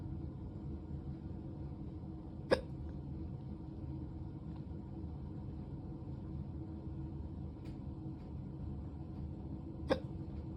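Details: Two sharp hiccups about seven seconds apart over steady low engine rumble, from a drunk person; hiccups.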